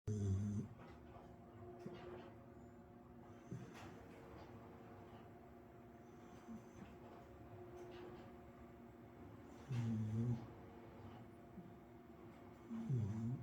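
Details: Puppy sleeping leaning on an arm, snoring comfortably: soft low rumbling snores recurring every few seconds over a steady room hum.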